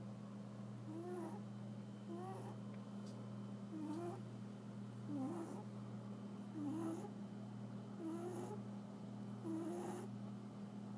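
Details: Cat snoring: soft, squeaky little snores with each breath, about 40 a minute, over a steady mechanical hum.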